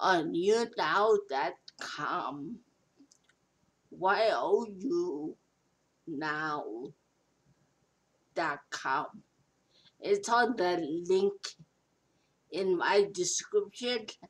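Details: Adult speaker, stroke survivor; post-stroke speech impairment.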